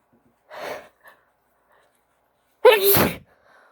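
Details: Female with an itchy nose from pollen allergy, sneezes easily induced: a soft breathy burst, then after a pause a loud, sharp sneeze with a voiced start; allergy sneezing.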